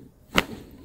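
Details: Chiropractic/osteopathic side-lying pelvic adjustment of an adult female personal trainer with stiffness in neck, shoulders, upper and lower back: one sharp crack, a joint cavitation pop.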